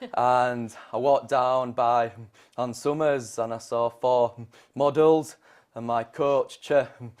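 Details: Stammer in an adult man, present since age 3, possibly from trauma around a club-foot operation at age 1. He is a McGuire Programme graduate and speaks using its costal-breathing technique to stay in control.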